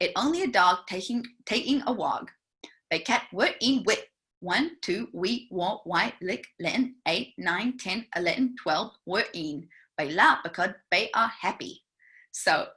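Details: Therapist imitating a 4-year-old girl's highly unintelligible speech with many unusual sound substitutions and omissions (acted imitation); finding: speech sound disorder (phonological substitutions and omissions).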